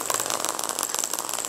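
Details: Fast, steady mechanical tapping with a high whine from a radial shockwave applicator (Storz Medical) worked along the thoracic region of the back, in a session treating spinal hernia, protrusion and osteochondrosis.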